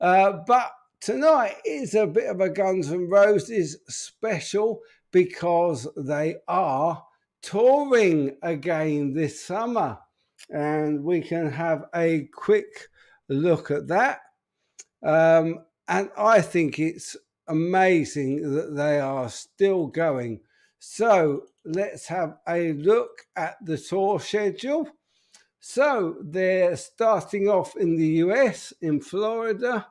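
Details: Adult man with an upper motor neuron disorder affecting speech, getting more evident and harder to speak; speech therapist's report led to repeat EMG testing; dysarthria (upper motor neuron type).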